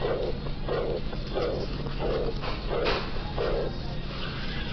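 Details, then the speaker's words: Aortic regurgitation murmur: regular heartbeat at about 88 a minute, each beat followed by a soft blowing diastolic sound that fades away, from backward flow from the aorta into the left ventricle. "The turbulent flow here is occurring during diastole, when there is a pressure gradient between the aorta in green and the left ventricle in blue."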